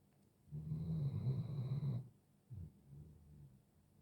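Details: A 5-year-old male Doberman snoring in his sleep: a deep, fluttering snore on one long breath, then a short snort and a softer rumbling breath.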